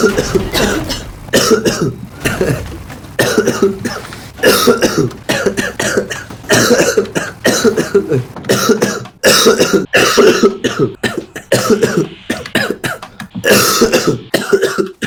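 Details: Man who coughed all evening says coughing feels so bad his eyes seem to bulge out; many harsh coughs in close succession over fifteen seconds with brief pauses between bursts, a persistent coughing fit.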